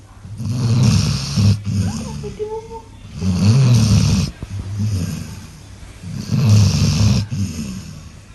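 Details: Sleeping dog, unusually loud for him per owner: loud, rattling snores on each in-breath with quieter snorting out-breaths, about 20 breaths a minute, human-like; snoring.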